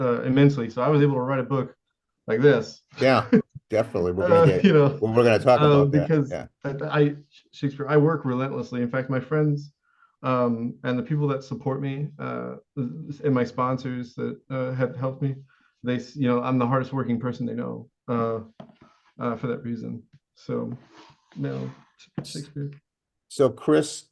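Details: Adult man with severe Tourette syndrome, diagnosed at 27, whose most reliable verbal tic is involuntarily saying "Shakespeare"; he also reports involuntary yelling and screaming: Tourette syndrome vocal tic.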